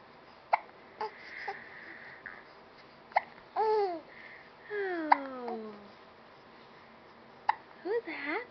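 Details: Brief sharp hiccup sounds about every two seconds between a happy baby's coos and squeals; infant hiccups.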